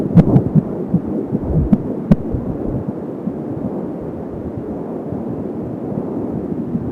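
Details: Fetal heartbeat at 14 weeks of pregnancy heard on an Angel Sounds home fetal Doppler, stated as 170 beats a minute: rapid whooshing pulses, with added whooshing from the umbilical cord; fetal heart sounds.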